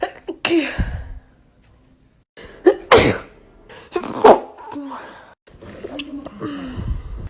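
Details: A series of sharp, explosive sneezes, some preceded by a quick inward breath, with brief pauses between them; sneezing.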